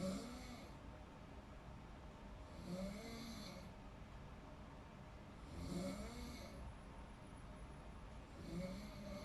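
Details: Snoring in deep sleep: soft, regular snores about every three seconds, roughly 20 breaths a minute, over a steady background hum.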